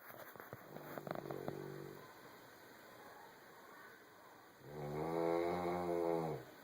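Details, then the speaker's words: Snoring during sleep: rough, buzzing breath noise with a longer, louder snoring breath near the end, over steady room hum. "you sure are noisy."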